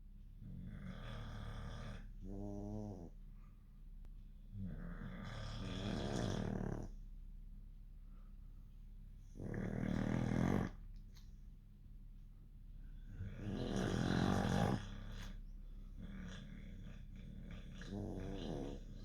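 Several loud, rough, rattling snores recur over the clip, each with a low fluttering breath. Snoring in sleeping dogs.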